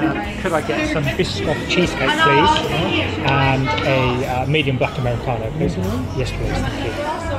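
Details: Adult man who stammers, with public-speaking anxiety, ordering food and coffee in a shop; stammering.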